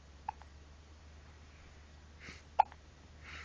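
Two short, abrupt hiccups a couple of seconds apart, with faint room hum behind them.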